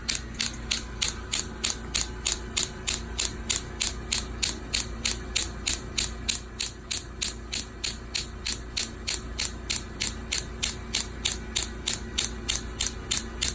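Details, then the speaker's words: Rapid, very regular sharp clicking pulses, about 190 a minute, from a new radial shockwave therapy machine treating heel pain. "we'll start with about 500 stocks at a lower level and then we're gonna default the the power"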